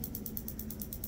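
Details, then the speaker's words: Rapid, regular mechanical clacking pulses, about nine a second, from an extracorporeal shockwave therapy device treating an adult's painful heel with plantar fasciitis at a pain clinic; very painful, patient nearly screams. "여기 병원에 오면 충격파 치료 장비가 있는데 이게 정말 물건이더군요. 뒤지게 아픈데 효과는 확실했습니다. 시작해볼게요."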